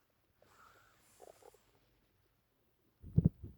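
Soft faint gurgles, then a louder low rumbling gurgle near the end: ordinary stomach growling after a meal, a normal digestive sound.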